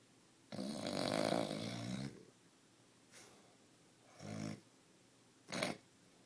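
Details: Sleeping husband's very loud snoring: one long, rasping snore then shorter snorting breaths in a quiet room.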